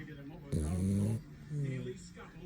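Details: A sleeping French bulldog with its tongue out: a short, loud, vibrating snore on one breath, then a softer rattling breath; snoring.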